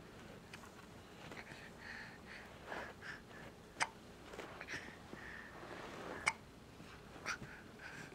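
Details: Irregular sharp, abrupt throat clicks spaced seconds apart in a quiet room: hiccups.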